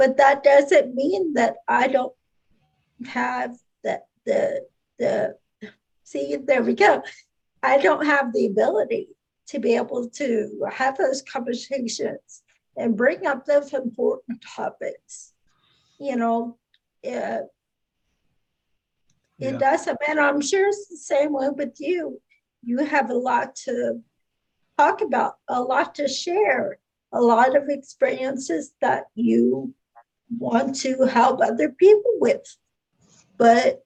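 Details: Adult speaker; no speech disorder.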